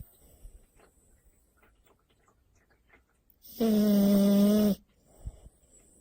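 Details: French Bulldog snoring while asleep: one loud, buzzing, tonal snore lasting about a second amid quiet breathing, typical of a flat-faced dog.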